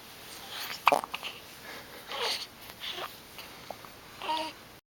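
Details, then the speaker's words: Infant boy lying down, soft babbling broken by a few sudden, sharp catches of breath; hiccups. "Look at the hiccups. Oh no. Those awful hiccups."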